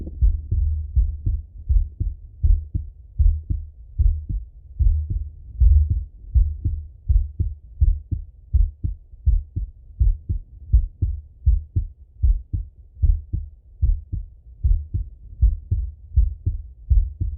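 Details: Male heart auscultation through a stethoscope, recorded sitting or lying: steady low lub-dub heartbeats at about 80 a minute in a regular rhythm; normal heart sounds.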